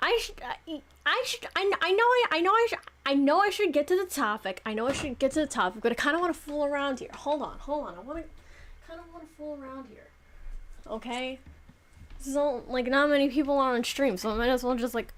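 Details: Adult woman, 26, who says she clearly has stuttering issues that make it hard to talk properly; repetitions of words and phrases; stuttering.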